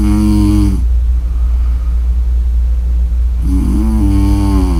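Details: Snoring during sleep: two droning, tonal snores a few seconds apart over a steady low hum.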